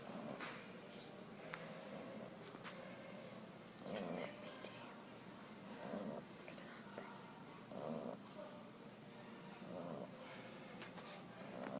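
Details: Sasha snoring: rhythmic, about one noisy breath every two seconds, with a rough rattle on each breath against light room noise.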